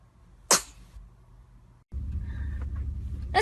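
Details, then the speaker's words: Single brief, sharp sneeze from an infant boy, followed by a rise in low room noise; an ordinary baby sneeze. "He's sneezing. Achoo! Did you sneeze?"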